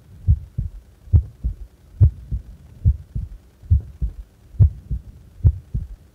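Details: Steady paired low lub-dub thumps, about 70 beats a minute, evenly spaced with no extra sounds, from a heart at rest doing nothing; normal heart sounds.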